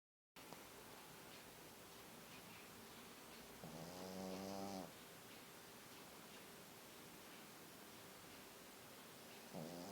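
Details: Small white Pekingese dog asleep: steady room hiss, then one loud, rough, buzzing snore.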